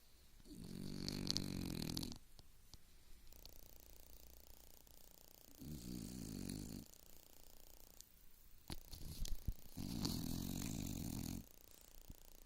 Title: is a snoring fartbag